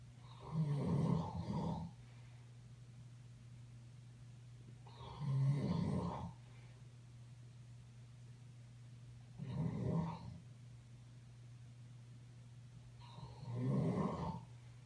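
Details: Snoring during sleep from an unidentified animal (owner asks what kind): slow, rough, rattling snores on each breath in, about 14 a minute, over steady room hum.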